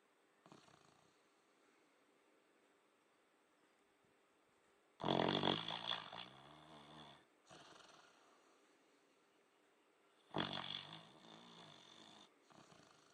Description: Our little labrador snoring on autumn day.